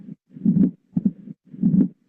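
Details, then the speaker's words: Mitral stenosis: loud heartbeats with a low rumbling diastolic murmur filling the pauses, accentuated first sound and opening snap after the second sound described. "vamos a encontrar el chasquido de apertura que ya lo documentamos y su relación con el segundo ruido el soplo diastólico"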